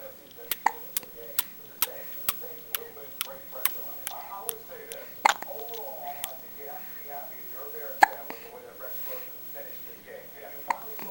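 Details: Short, sharp hiccup clicks repeating at irregular intervals over soft background talk; hiccups.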